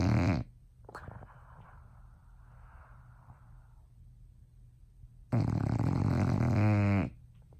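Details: A loud, harsh, rattling snore of almost two seconds after a softer snore, from a female bulldog sleeping in her owners' bed at night; heavy snoring.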